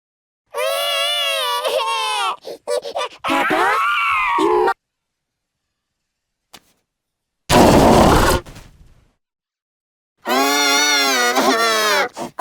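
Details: Cartoon voice acting imitating small child George crying: loud wailing cry bouts with sobbing breaks and a noisy burst between them, amid screaming; simulated infant cry.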